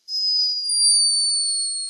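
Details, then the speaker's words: Sleeping hummingbird recorded by a scientist in Peru, snoring: a thin, very high-pitched whistling tone drifting slightly lower, a tiny but unmistakable snore. "this escaping from the tiny body of a sleeping hummingbird. A high-pitched but unmistakable snore."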